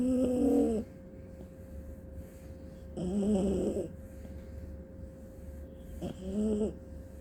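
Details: Sleeping Papillon/Aussie puppy making three slow, tonal, contented groaning snores, about 20 a minute, with quiet breathing between; snoring.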